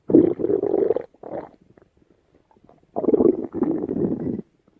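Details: Stomach rumbling (borborygmi): two bursts of gurgling, growling rumbles separated by a quiet gap.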